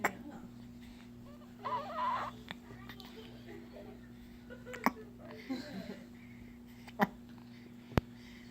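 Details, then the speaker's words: Infant hiccups: about four sharp, abrupt hiccups with faint gurgly vocal sounds between them, described as gurgly hiccups. "They're like gurgly hiccups."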